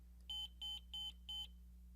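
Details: Four short, even electronic beeps over a low room hum as an ambulance defibrillator monitor (M-series, selector switch turned to monitor/on) powers up during monitor training; monitor power-on tone.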